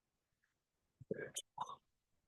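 Several short, clicking throat-clearing noises, then one strong, harsh voiced burst as mucus is brought up: a wet cough with throat clearing.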